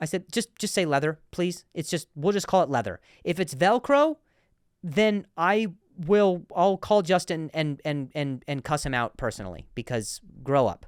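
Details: Adult male comedian and podcast host who stutters, in real speech with repeated and broken-off words: stuttering.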